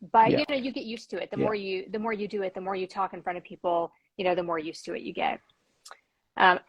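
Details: Adult speaker; typical speech.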